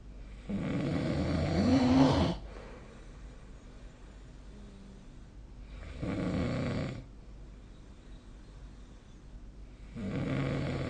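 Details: Snoring recorded during sleep with the SnoreLab snoring app: loud, rough snores on the in-breath, about every four seconds, with quiet gaps between.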